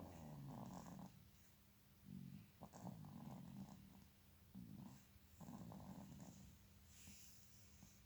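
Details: Sleeping newborn baby: soft, low, rattly snoring noises with each breath in an uneven rhythm; newborn snoring, described as normal.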